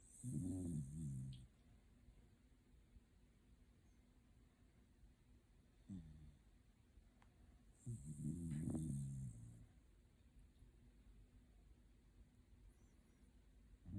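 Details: A Shiba Inu dog, sleeping comfortably, gives low rumbling snores on two breaths about seven seconds apart, with a brief softer noise between; snoring.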